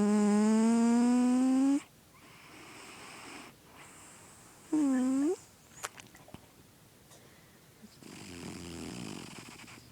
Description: My cat snores in his sleep HE IS HEALTHY there is nothing wrong with him, the Vet says he is Fine but it makes me laugh, he is quite the Character :)